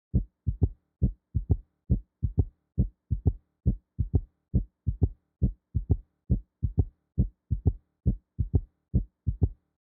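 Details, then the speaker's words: Simulated heartbeat at about 68 per minute with a soft extra sound in early diastole just after S2, giving a three-beat "Kentucky" cadence: a third heart sound (S3 gallop). "Let's now move on to S3, otherwise known as the third heart sound. This heart sound occurs during early diastole, just after S2."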